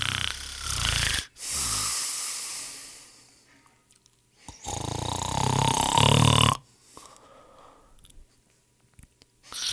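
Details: Heavy snoring from people sleeping, offered as royalty-free sound effects: loud, harsh snores with a whistling, wheezy edge on inhalation and quieter breathing between.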